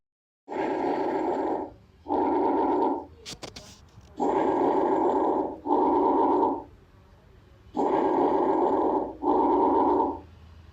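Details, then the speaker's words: Normal bronchovesicular breath sounds on chest auscultation: inspiration and expiration of similar length and loudness, about 17 breaths a minute. "Comenzaremos con la exploración de los ruidos broncovesiculares, que más o menos se escucharán así."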